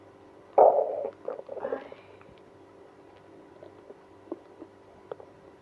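A sudden loud gurgling growl, then softer rumbles and faint pops; active bowel sounds with irritable bowel syndrome.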